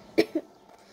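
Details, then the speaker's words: Coughing and sniffling from a female speaker with a cold and cough while talking during a gaming session. "Désolée si vous entendez que je tousse ou quoi, ou que je renifle un peu. J'ai le rhume,"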